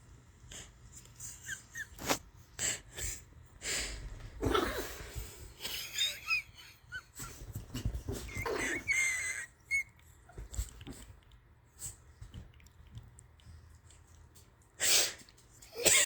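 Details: Dog's noisy breathing with whistling, wheezy sounds on the breaths, against quiet room noise: wheezing.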